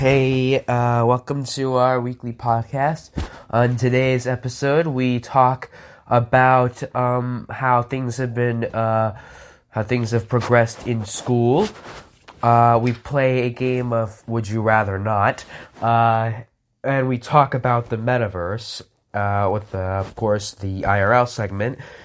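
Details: Adult male speaker; normal speech.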